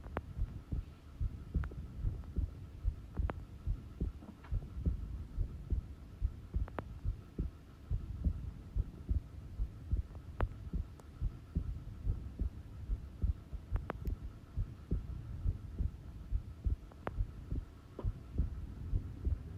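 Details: Normal resting heart sounds, a slow heartbeat recorded at rest: soft, steady low thumps at about 70 beats a minute under a constant hum.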